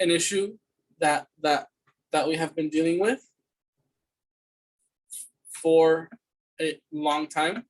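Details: Student's fluency speech sample for a communication disorders class, answering interview questions: stuttering with whole-word repetitions.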